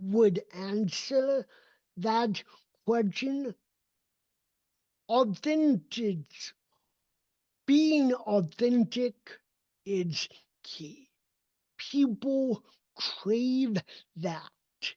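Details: Adult male with cerebral palsy, a neurodevelopmental disability affecting his motor development and movement; real speech; dysarthria associated with cerebral palsy.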